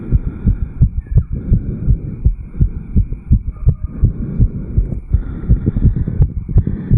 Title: 34 Year Old Male Fast Heartbeat Recording. 160 to 180 BPM, Jogged up Bel Air Cairns.